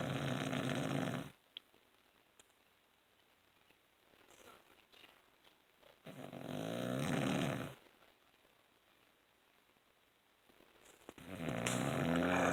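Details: Adult man (the uploader's father) snoring all night: loud, rough snores on the in-breath, three in about 12 seconds with quiet pauses between them, heavy snoring during sleep in a quiet room.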